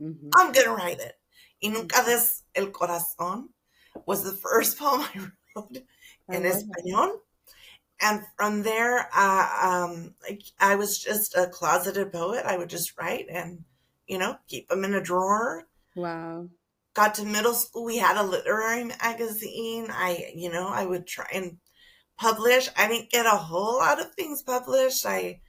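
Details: Adult woman with spasmodic dysphonia that began with stress in her first year as a teacher and took two years to diagnose; treated with Botox injections every few months, now at the end of her three-month cycle; spasmodic dysphonia.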